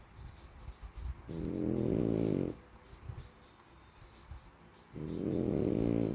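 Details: Sleeping French bulldog, a flat-faced breed, snoring: two long, loud, rattling snores on breathing in, with quieter breathing between.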